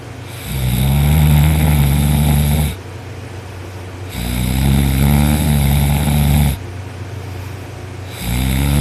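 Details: Person asleep on their back with their arm thrown over their head after a long day of work, snoring: loud, deep rattling snores on each breath in, about three breaths over nine seconds, with quiet exhalations between.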